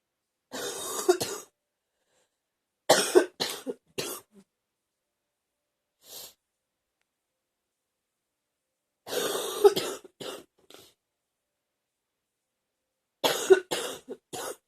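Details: Four bouts of deep, chesty coughing with a loose, wet quality suggesting mucus; wet productive cough.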